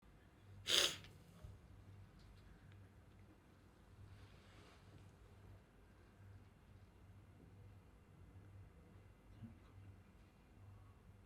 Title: Minto's sneezing video (Sample)